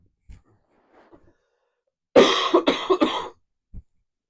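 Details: Short burst of three to four harsh, wet coughs run together, then a brief breath; ordinary cough during illness in an adult speaking live.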